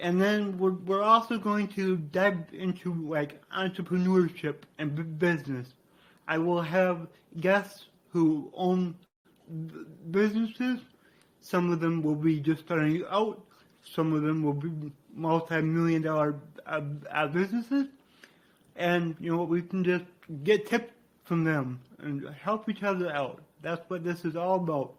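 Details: Man with dysarthria due to cerebral palsy, which he attributes to brain damage after being born without heartbeat or breathing and being revived.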